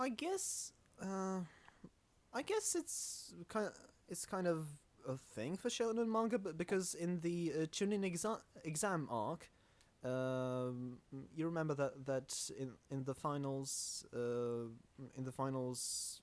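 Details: Stuttering in a male podcast host who calls himself the stammering host.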